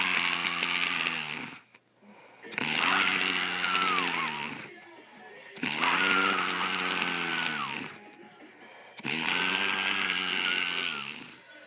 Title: Girl Snores LOUD